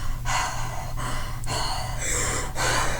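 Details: Clear breath sounds without secretions in a person with ALS who uses a ventilator and has recently had long coughing spells from phlegm.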